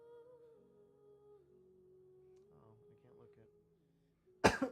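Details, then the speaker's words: Adult streamer who is sick with a lingering cough; soft humming background, then a single short, harsh cough burst at the end. "you can kind of hear that I'm coughing still which is mainly why I'm not gonna be voice acting too much"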